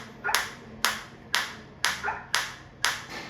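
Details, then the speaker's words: Focused shockwave therapy (ESWT) device on the demonstrator at 120/min while intensity is raised step by step from minimum (levels 1–3 and up): sharp, regular snapping clicks whose sound changes as energy increases. "आएंगे one by one two three आप देख सकते हैं change sound में भी और मेरे को फील में भी आ [प्रशंसा] रहा है।"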